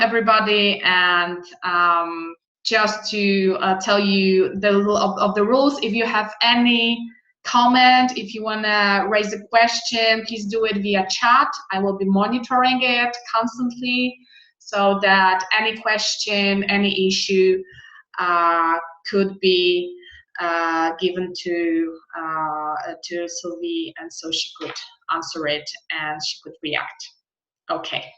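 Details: Adult speaker; normal voice.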